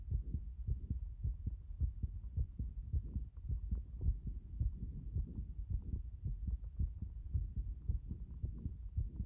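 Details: Heartbeat the person says has been like this since this morning: muffled low thumping, fairly fast at around 100 or more a minute, with uneven spacing and a steady low rumble behind it.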